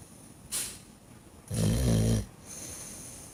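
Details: Dog snoring loudly while sleeping: a single loud, low, rattling snore on the in-breath over faint room noise; ordinary sleep snoring.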